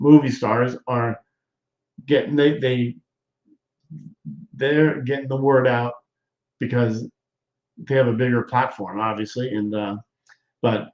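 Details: Adult man who appears to be a stroke survivor, with hesitations and word-finding pauses; he regards doing his show as therapy for his aphasia, and a viewer says he has improved; aphasia.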